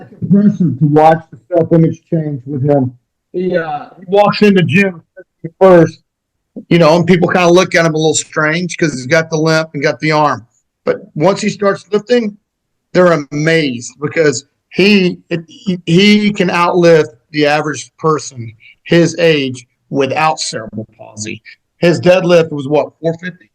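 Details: Adult male speaker; normal speech.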